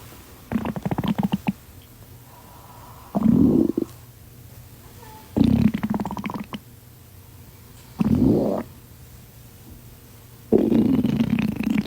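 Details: Loud gurgling, rumbling bursts from the abdomen, some rising in pitch, about five in twelve seconds with quiet gaps: ordinary stomach growling (borborygmi).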